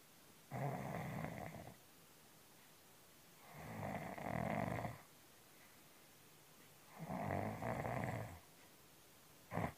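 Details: Snoring from a cat that snores like a person.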